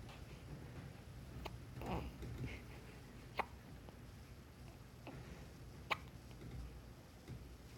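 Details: A newborn baby, surprised by her own hiccups, gives brief sharp hiccup sounds every 1.5 to 2.5 seconds over a low room hum; hiccups.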